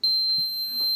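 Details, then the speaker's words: Loud, steady, high-pitched electronic alarm beep from an enteral feeding pump while the tubing is being primed with breast milk for a child's G-tube feed. "and so here's the lovely annoying feeding pump it beeps so loud they'll get to hear that right now"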